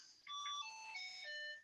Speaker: es una alarma de paro a ver miren por ahí va a tener que ir porque estoy solo con los residentes